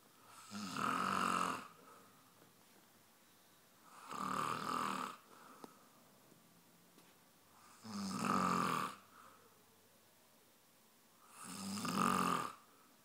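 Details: Four loud, rough snores on inhaling, about 17 a minute, separated by quiet pauses; heavy snoring from a sleeping man, loud enough to wake a sleeping cat.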